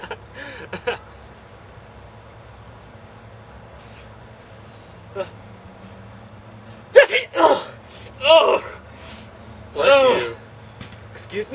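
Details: Simulated sneezing in a comedy sketch: a run of acted sneezes, each with a quick gasp and burst, amid "bless you"/"excuse me" exchanges.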